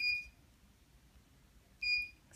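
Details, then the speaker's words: Electrocautery treatment of a nevus araneus (small broken blood vessel) on the hand: two short high-pitched electronic beeps in a quiet room as the cautery unit activates. "this is the Coty it's just a little pinch okay you're going to hear this noise but a little baby pinch right pinch okay"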